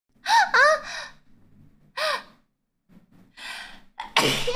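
A few sharp, high-pitched gasping inhalations followed by a burst; a sneeze sequence.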